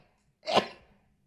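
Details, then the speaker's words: Single abrupt, forceful sneeze from a male Twitch streamer, who blames allergies and the weather changes. "oh brother dying man allergy's bad oh it's the [ __ ] weather changes bro it's the weather changes"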